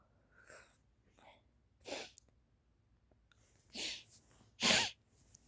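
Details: Two or three forceful, hissing sneezes with soft indrawn breaths before them, from a person with a stuffy head cold; repeated sneezing.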